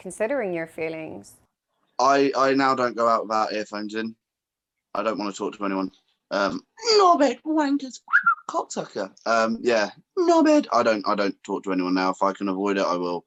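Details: Adult man with severe complex Tourette syndrome and coprolalia, tics triggered by strong emotions, also with functional neurological disorder and dissociative identity disorder; vocal tics including swear words break into his speech; vocal tics with coprolalia.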